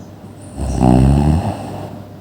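A single loud, low, rattling snore on an in-breath, rising and fading over about a second: snoring.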